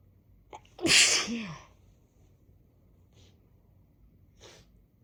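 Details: Brief inward catch of breath, one loud explosive sneeze with fading tail, then faint sniffs, set off by sniffing chhinkni snuff in a congested person with a blocked right nostril: sneezing.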